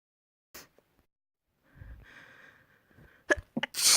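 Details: Quiet breath in, brief voiced build-up, then two or three sharp explosive sneeze bursts in quick succession; sneezing.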